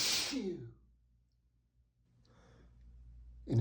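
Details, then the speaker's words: Sneeze while reading aloud from a dusty book, reader allergic to dust: a single loud sneeze that trails off, then quiet breathing before a breath in for speech. "In addition to all of this, oh my god, sorry I have to sneeze."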